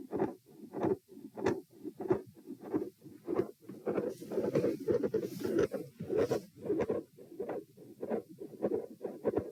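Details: Heart auscultation stress test at position T, recorded lying, then sitting, standing and lying again; midsystolic murmur with split S2 and a murmur at S2.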